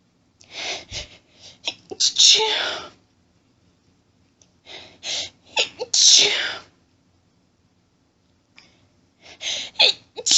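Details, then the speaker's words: Two strong, hissing sneezes, only partly muffled, from someone trying to sneeze quietly while whispering in an acted hiding scenario, with breathy whispering and catching inhalations before and after. "Can't stop. Need to stop sneezing. Oh God, it tickles."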